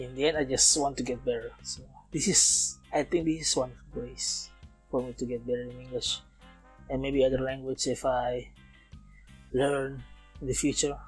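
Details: Man approaching 31, non-native English speaker, self-described as still stuttering, speaking English in a self-recorded podcast made partly to train his English; stuttering.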